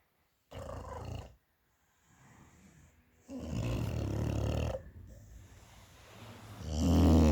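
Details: Sleeping Amstaff dog: low, rumbling breaths with a rough snorting quality and one loud grunting sound at the end; snoring.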